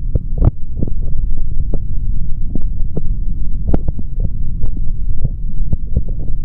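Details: Male body sounds recorded through a stethoscope for ASMR, no talking: dull, regular thumping heartbeats against a low steady hum; heartbeat.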